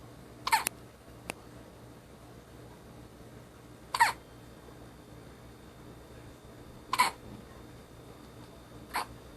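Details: Baby who hiccups all the time: four brief, sharp, voiced hiccups roughly every two to three seconds in a quiet room; infant hiccups.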